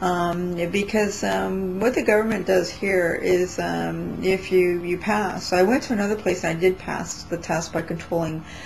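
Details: Adult woman with intermittent dysarthria she attributes to brain/central nervous system damage from prescribed medications, never treated with therapy; she says her speech is relatively bad during this recording; sometimes she cannot speak at all; dysarthria.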